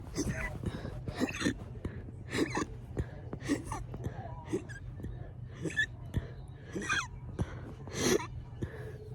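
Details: Fast hiccups that started right after burping: quick, sharp, catching breath sounds repeating irregularly about once a second, with soft room noise.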